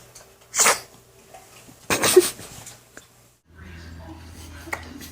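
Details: Infant sneezing: two short, high, breathy sneezes, followed by soft room noise; ordinary infant sneezing.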